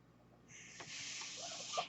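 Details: Podcaster on a mechanical ventilator speaking: after a quiet start, a steady rushing hiss of delivered air swells, with a faint whistle near the end, mechanical ventilator airflow.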